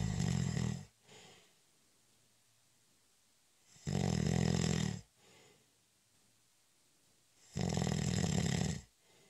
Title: 20 Minute Snoring Audio In Honor of National Nap Day- It's a cat nap!